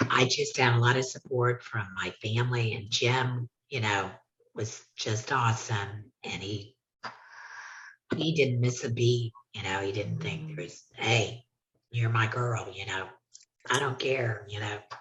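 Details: Tracheoesophageal (TEP) speech from a woman after total laryngectomy, using a hands-free tracheoesophageal puncture voice prosthesis.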